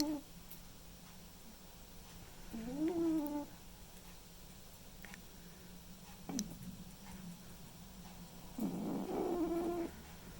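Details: A white and ginger male cat asleep, snoring gently: soft, raspy snores about every six seconds over a steady low room hum.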